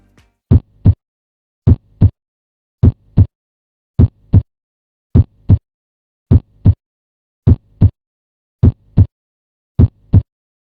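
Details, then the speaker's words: Animated tutorial heart sounds: normal S1 and S2 from pulmonary and aortic valve closure, with systole between S1 and S2 and diastole after S2. "And the S2 heart sound occurs when the pulmonary and aortic valves close."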